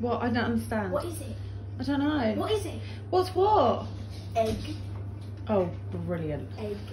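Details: Adult speaker; no disorder.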